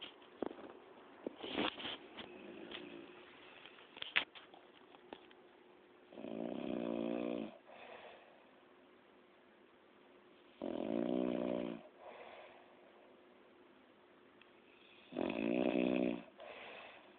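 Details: Sleeping grandmother recorded by her granddaughter: three loud, rasping snores on the in-breath about every four to five seconds, with softer out-breaths between; snoring.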